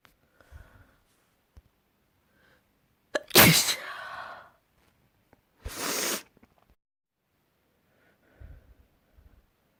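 Two loud, forceful, wet-sounding sneezes, each with a spray-like burst, in a quiet room with faint breathing between.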